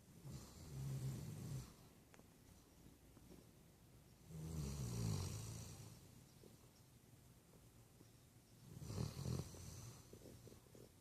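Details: Puppy snoring while asleep: low, soft, rumbling snores in a slow rhythm, about one breath every four seconds, over quiet room noise.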